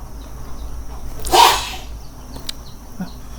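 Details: Sharp, wet sneeze from a very sick cat with a severe cold and heavy nasal discharge.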